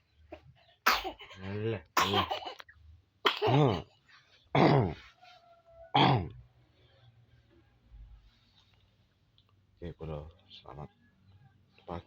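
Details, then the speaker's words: Child still asleep in the morning, coughing repeatedly: five loud, wet cough bursts in quick succession, then a pause with a few softer coughs; productive-sounding cough. "Pada kesempatan pagi hari ini bersama anak kita masih tidur masih batuk loh."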